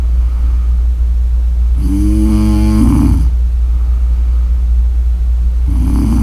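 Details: One tonal, vibrating snore, then the start of another a few seconds later, over a loud low background hum; snoring.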